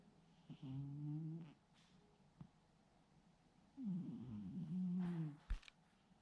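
Two long, low, rattling snores in a quiet room, deep and human-like in pitch, from a sleeping cat.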